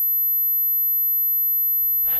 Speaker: Furthermore, with the high frequency sound one can even determine your age. Let's try. It's likely that everyone can hear this sound.